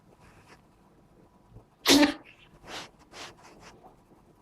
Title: The cat is tired of sneezing 😂🥺